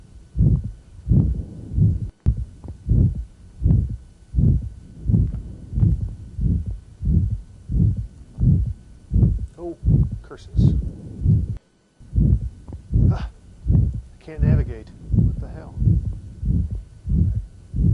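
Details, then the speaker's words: Young man with aortic valve stenosis: typical stenosis murmur, with the aortic ejection sound sought at the apex. "now this young man has the typical murmur and will have to seek out his ejection soon"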